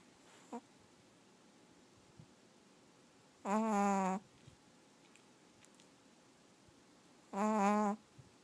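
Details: Two long, tonal, whistling snores about four seconds apart in a quiet room from a sound-asleep Chihuahua dog; snoring.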